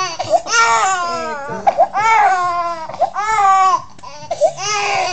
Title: Baby crying with weird noise